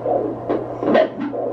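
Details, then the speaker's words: Fetal heartbeat at a 17-week pregnancy appointment on Doppler, about 140 beats per minute: fast, rhythmic whooshing pulses over a steady electrical hum. "so we can hear the baby's heartbeat it's about 140 or before sounds good"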